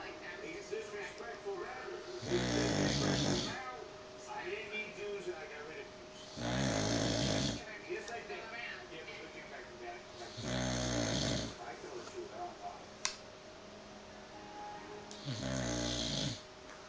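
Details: A sleeping bulldog gives loud, rattling snores about every four seconds, roughly 14 a minute, with a faint room hum; heavy sleep snoring.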